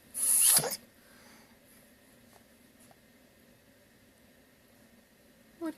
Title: Siena Sampler (chats, sniffs, yawn, sneeze...)